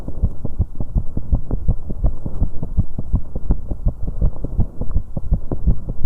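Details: A 19-year-old female after riding an exercise bike: fast, forceful, pounding heartbeats with an uneven rhythm from occasional premature beats; rapid post-exercise heartbeat with extrasystoles (PVCs).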